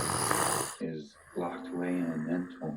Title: Yep, he snores